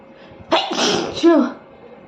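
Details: Woman inducing sneezes by tickling her nose with paper in a sneezing challenge: a quick indrawn breath, then a single loud voiced sneeze with a vocal 'choo'.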